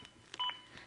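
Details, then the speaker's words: Single short electronic beep from a Zoll AED Plus CPR metronome, synchronized to chest compressions and pacing them to at least 100 a minute during a demonstration; AED CPR metronome beep. "the beeps begin again and are synchronized to my compressions and again speed me up to at least 100 compressions as recommended by the American Heart Association"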